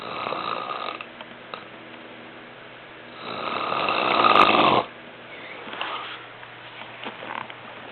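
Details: Adult man asleep, recorded as evidence for a sleep study: one loud, rattling snore, then quieter breathing noises in a small room: snoring.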